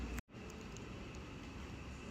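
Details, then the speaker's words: Dental three-way syringe on a DTS-V03-1 portable dental unit with built-in air compressor, air and water buttons pressed together: brief cutoff, then a steady rushing hiss of combined air-water spray. "This is a 3-way syringe, left air, right water together luminization."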